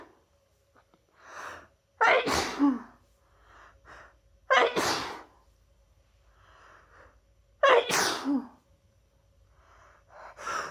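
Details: Three forceful sneezes, each preceded by a short inward breath, with quiet sniffing between; repeated sneezing from a person with their annual cold, held in at work all day; title mentions snuff-induced (chhinkni) sneezing.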